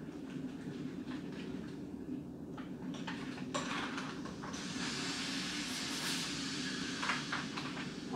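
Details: Steady rushing hiss of oxygen from the flow meter through oxygen tubing into a Vortran Automatic Resuscitator (VAR) during setup, rising in loudness, with handling noise; normal gas flow sound.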